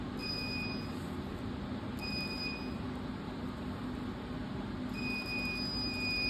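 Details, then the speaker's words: Dermatologist removing skin tags and dermatosis papulosa nigra (DPN) lesions with laser, energy delivered directly onto the lesions: steady machine hiss with short high-pitched tones recurring every few seconds. CO2 laser ablation sound. "तो उसके बाद आपके जो lesions हैं, डीपीएन्स में तो legion को hold करने की जरूरत नहीं होती, डायरेक्ट जो लीजन होता है उसी के ऊपर एनर्जी डिलीवर करके उसको डिस्ट्रॉय कर दिया जाता है।"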